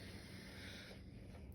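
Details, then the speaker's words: Adult woman leaning forward, breathing deeply in and out on command during stethoscope auscultation; soft airy breath sounds over a steady low rumble, fading as each breath ends; lungs judged to sound good: normal breath sounds. "All right, ma'am. Your lungs sound good."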